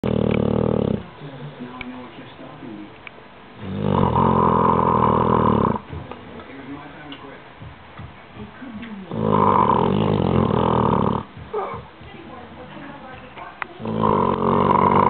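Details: Bulldog, kept in a downstairs kennel because he is too loud, with loud rough snores in long bursts about every five seconds and quieter breathing between; snoring.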